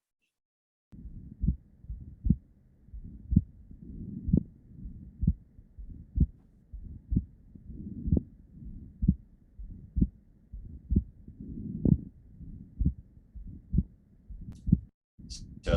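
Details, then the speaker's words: Woman with scleroderma and suspected pulmonary hypertension (rising jugular sign on inspiration): regular heart sounds at about 63 beats per minute with a split second sound whose loud P2 exceeds A2, consistent with pulmonary hypertension. "a very loud p s two here and the c they're split as two is split into a two and p two and p two here is louder than a two which is consistent with pulmonary hypertension"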